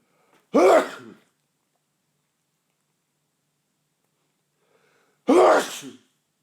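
Two loud, explosive sneezes a few seconds apart, each with a brief intake before the burst; an ordinary sneeze.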